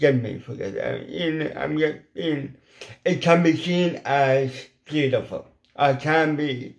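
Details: Adult man with ataxic cerebral palsy, involuntary hand shake and epilepsy; weak, paralysed lip muscles cannot form the shapes for certain letters; once understood only by his mother as a child; lifelong speech impediment; dysarthria.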